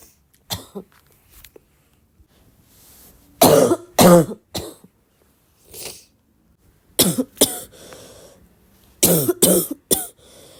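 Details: Barking cough.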